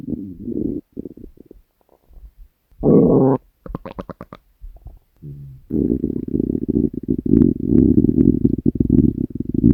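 Loud gurgling and rumbling bursts, ending in a long rolling growl: stomach growling from hunger.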